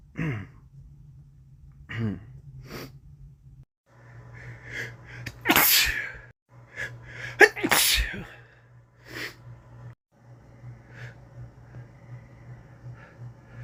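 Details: Adult male with a common cold: several forceful sneezes in a row (three or four) with sniffles between them, over a steady low hum; sneezing from a cold.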